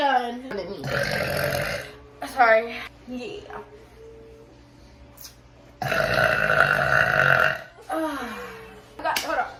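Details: Deliberate burping: two long, loud, voiced belches with brief vocal sounds between them, over faint background music.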